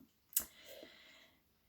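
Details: Objective clicking tinnitus in a woman with a chronic hearing condition since October 2021, with episodes of vertigo, vomiting, headaches, ear pain and tinnitus.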